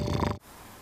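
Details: An adult man with about 10 years of severe snoring: a brief, loud, low, coarse and throaty rattling snore on an in-breath, cutting off abruptly into quiet room noise.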